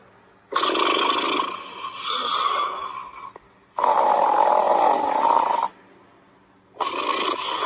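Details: Loud, long, rough snoring breaths with a fluttering rasp, three in a row separated by quiet pauses; snoring.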